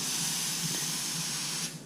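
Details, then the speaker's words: Slow-speed suction on a dental chair running, in a demonstration for dental nurses: a steady, loud airy hiss of the suction line drawing air. "we've got our suctions here so this is your B all without a suction it's a bit tricky to do your job so we've got our high-speed suction need to click him on here and go and we have the slow speed suction"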